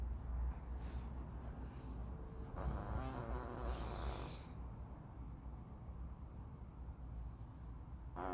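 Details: Old pet cat sound asleep, snoring.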